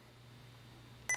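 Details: Quiet room hum, then a short electronic keypad beep as a button is pressed on an IV infusion pump, selecting new infusion and general, during a hot-swap programming demonstration.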